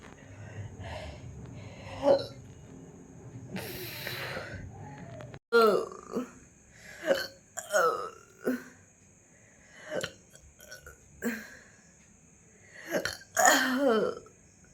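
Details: Belching after eating a large luchi (fried bread), with gurgling felt from stomach to throat: series of short throaty burps and gulping sounds with brief breaths between, over faint background noise.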